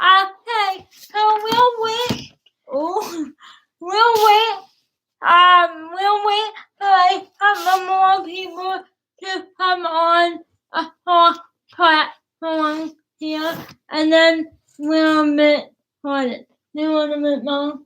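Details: Dysarthria in a young woman with cerebral palsy; she started talking late, is sometimes hard to understand per her father, and worked with a speech pathologist on consonants, vowels and plosive sounds.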